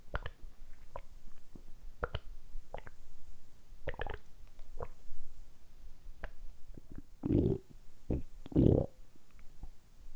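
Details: Deliberately produced stomach rumbling recorded close up for ASMR: low gurgles and squelching rumbles in uneven bursts; borborygmi.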